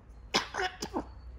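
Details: 5-month-old grey parrot, asked by its owner whether it still has a cough, gives two short, sharp cough-like bursts with brief voiced tails, imitating a human cough.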